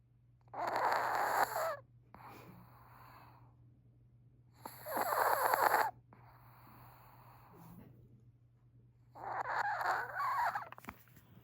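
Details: Three rough, snorting snores at about 14 a minute, with softer airy breaths between them: a Chihuahua snoring.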